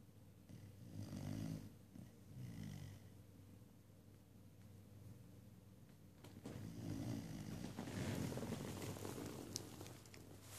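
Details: Dog snoring while asleep: several slow, soft, rumbling noisy breaths over a low background hum.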